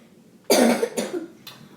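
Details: A person coughs repeatedly while teaching the moonwalk; cough.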